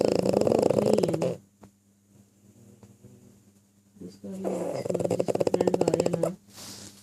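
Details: Pug snoring: loud rattling, fluttering snore on each breath, with a quiet pause between breaths.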